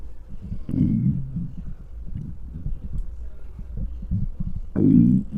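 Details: Low gurgling and rumbling bursts with bubbling between, recorded with a microphone close to a very hungry adult's belly: borborygmi, normal hunger stomach growling.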